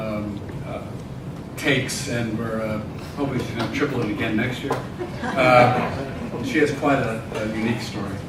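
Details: Adult male speaker; ordinary speech.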